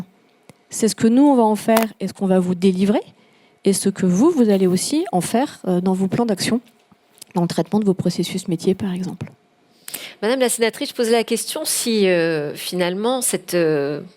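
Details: Adult speaker; Normal voice.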